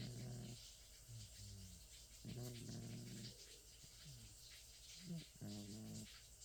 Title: Sabre the 27 year old cat snoring and twitching in his sleep.